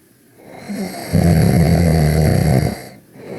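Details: Cartoon character Ruby snoring while napping: one loud, deep, rattling snore swelling and fading over a single breath; simulated cartoon snoring.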